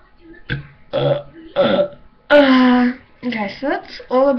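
Several loud voiced belches in a row, some long and drawn out, in a quiet room; ordinary burping.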